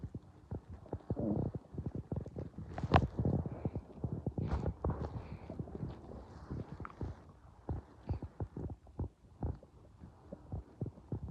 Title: My unicorn is listening to my stomach growling